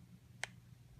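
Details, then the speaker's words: Torque screwdriver clicking once as a lead is locked into a NeuroPace RNS responsive neurostimulator for refractory epilepsy, demonstrated on a model: a single sharp, small click against quiet room noise. "And then to ensure that it's installed correctly, you'll hear it click. There we go."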